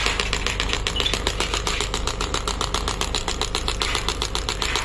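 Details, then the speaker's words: Biotronix radial pneumatic shockwave (ESWT) therapy machine firing after start is pressed on the unit and handle: rapid, even mechanical clacking pulses, several a second, over an internal pneumatic compressor rumble. "once you press the start button and the start button in the handle then it will start working it's a very good machine machine is having a compression pneumatic compression inside"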